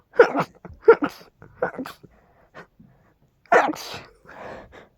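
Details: Several forceful sneezes in quick succession, each with a sharp inhaled lead-in and explosive burst; a rapid fit of big, loud sneezes the person could not contain, attributed to dust and pollen.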